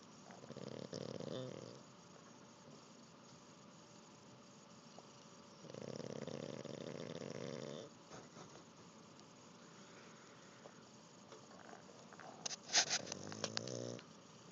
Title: Jack the Pug snores like a champion after learning to swim. (please turn up the volume.)